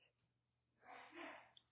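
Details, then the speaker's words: A single muffled sneeze from an adult man at a distance in a quiet room, followed by "bless you." "bless you my husband just sneezed did you hear that"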